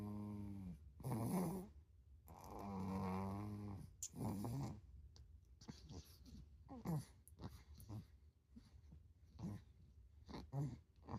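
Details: Owner calls it "my baby" snoring really loud: drawn-out rumbling snores with a growly edge, then shorter snorting breaths, in a quiet room; sounds like an animal snoring.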